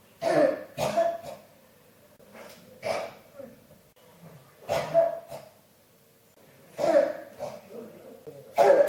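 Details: Cough that won't stop, recorded as ASMR: repeated harsh coughing in clusters of two or three, about eight bursts over nine seconds with brief quiet gaps; persistent cough.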